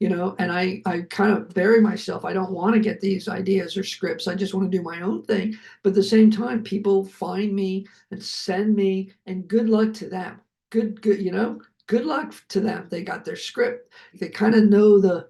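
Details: Adult male film producer, a heart attack and aphasia survivor with multiple health challenges, speaking just after noting his aphasia was kicking in; aphasia.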